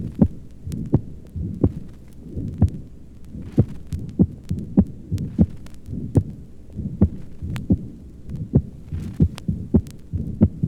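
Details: Regular heartbeat over the upper left chest with a loud, sharp second sound in each beat: an accentuated pulmonic second heart sound from pulmonary hypertension.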